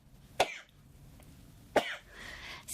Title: Coffeh time sneezing